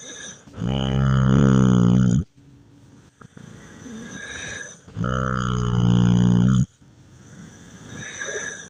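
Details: Two long, deep, rattling snores, each over a second with a quieter breath between; loud snoring in sleep, recording titled "Dahmer Snores".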